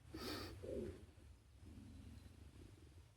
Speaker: that's my stomach. You can hear that.